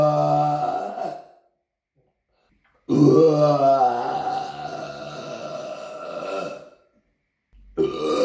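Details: Burping in an apartment: loud, prolonged, deep rumbling belches, one long burp of about four seconds between shorter ones, in a small room; recorded on a Samsung Galaxy S9.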